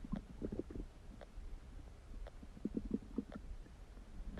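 Quiet gurgling and bubbling rumbles from the belly over a low background noise: ordinary stomach rumbling.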